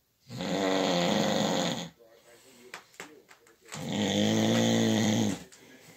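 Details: Night-time snoring disturbing a bed partner's sleep: two long, loud, rattling snores separated by a quieter pause with faint breathing noises.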